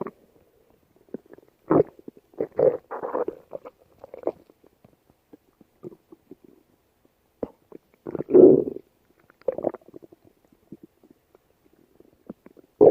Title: stomach growl late night